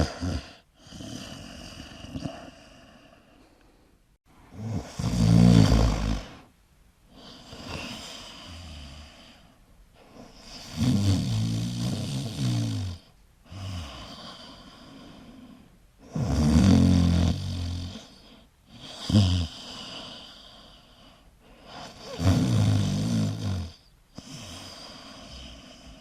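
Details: Loud, rattling snores on each in-breath, about ten breaths a minute, with softer out-breaths between, recorded during sleep; snoring.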